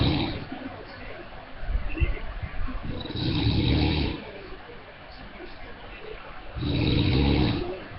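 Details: Webcam recording of an adult man, a father, snoring in his sleep: loud, rough, low snores on two breaths about three seconds apart, with a television broadcast in the background; ordinary snoring.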